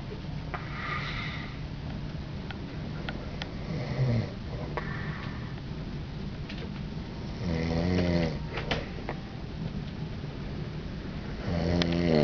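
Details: Husband snoring during sleep on a cruise, attributed to allergy to down pillows; low, rattling snores on the breaths with quieter noisy breathing between, over steady room noise.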